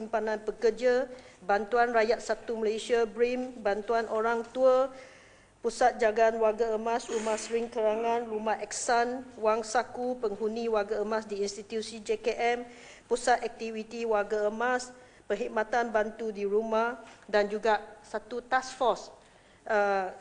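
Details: Adult woman speaking; normal voice.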